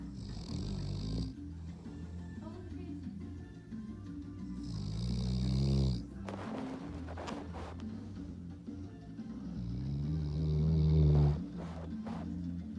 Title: loudest dog snore like ever